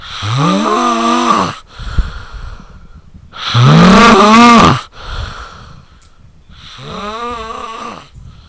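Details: Snoring attack: three loud, drawn-out rattling snores, one every few seconds, with softer breaths between.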